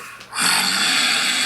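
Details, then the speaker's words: Loud snoring with obstructive sleep apnea in a man: brief quiet pause, then a loud, harsh, rattling snore that carries on steadily. "The breath-holding time can be more than half a minute. Seriously, if you sleep next to him every night, you just feel like he might not be able to take another breath."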